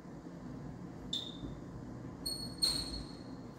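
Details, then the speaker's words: BiPAP machine (Focus model) powered on after connecting the circuit at its side: a few short high electronic beeps over quiet room noise during start-up self-test before programming; device self-test beeps. "ao conectar nós vamos programar esse aparelho só nós vamos ligar e ele faz uma auto teste"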